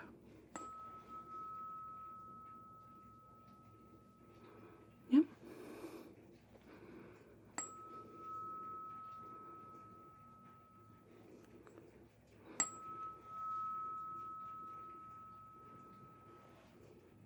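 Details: Tuning fork stated as 248 Hz, struck three times, each clear high-pitched tone fading over a few seconds, during a simulated roleplay cranial nerve (CN8) hearing exam.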